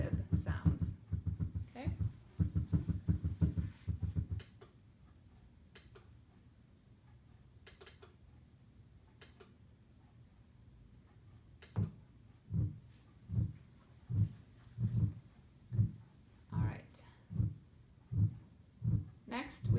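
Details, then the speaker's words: Simulated atrial fibrillation on a SAMII training manikin: fast, irregular low thumps without a clear lub-dub, likened to a microphone in a bowl of Jell-O being carried. "so that all indicates that this is aib another way I described it to students was it was like a a having a microphone in a bowl of Jello-O and you're walking with that bowl of Jell-O and that kind of explains how aib"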